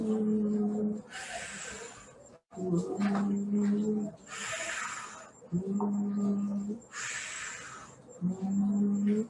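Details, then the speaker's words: Expiratory wheeze: breaths with a prolonged expiration carrying a steady musical whistle, from bronchospasm narrowing the bronchi; asthmatic breath sounds. "you saw inspiration then expiration is longer prolonged and with a musical sound like that so why is that when you get bronchospasm the bronchi is going into narrowing and it's like a whistling sound"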